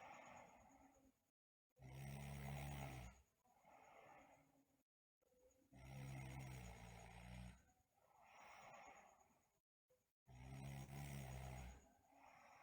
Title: Sleeping Girl Snoring & Bruxism